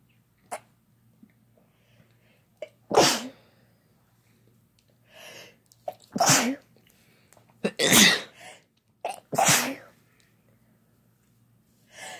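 Four loud sneeze bursts, some with a quick breath in before, from two people sneezing in turn.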